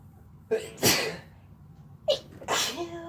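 Two sneezes, each a short in-breath followed by a sharp burst, from two different people; ordinary sneezing.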